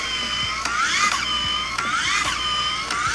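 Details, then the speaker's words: Steady whirring with rising and falling whine and periodic clicks: rotating magnet of a PRECICE remotely controlled lengthening nail in a boy's shorter right leg, lengthening a third of a millimetre over 2 min 20 s, painless. "and so what you're hearing is the rotation of the magnet okay and what you're actually seeing in real time is how much lengthening is happening right there and there"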